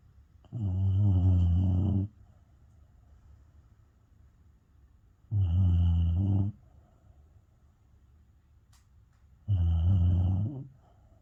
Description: Just a video of Bella, my Beagle, snoring as she is happy far away in slumberland.